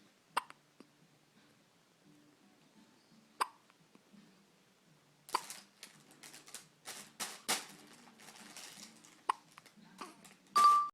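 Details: Person with hiccups: brief, sharp gulping clicks repeating at irregular intervals over a quiet room, with some noise later.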